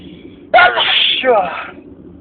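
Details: Loud, sudden sneeze with a sharp voiced burst and trailing hiss, part of a very long sneezing fit attributed to spring allergies.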